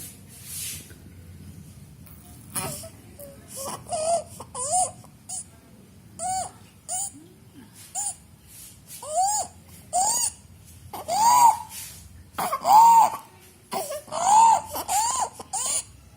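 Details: Infant with bilateral vocal cord abductor palsy and laryngomalacia crying in short repeated bursts with high-pitched noisy breathing: stridor during crying, which disappears with distraction and in sleep.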